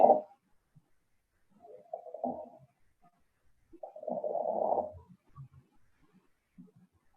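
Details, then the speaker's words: Bibasal crackles (rales) at both lung bases, heard by stethoscope: a rough crackling at the end of each inspiration, like hair rubbed between the fingers, and not changed by coughing. "En este caso, se auscultan rales bibasales en ambas bases."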